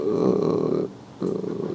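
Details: Snoring: two short rough, fluttering inspiratory snores with a pause between, from upper-airway vibration; discussed in context of sleep apnea and severe snoring.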